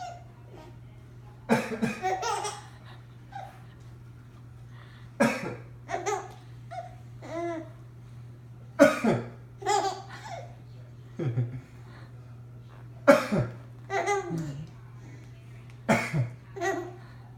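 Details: Short coughs from an adult man (father), each followed by an infant's giggling, over a steady low room hum; cough.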